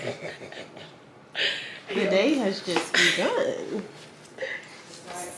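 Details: Adult woman speaking; Ordinary speech.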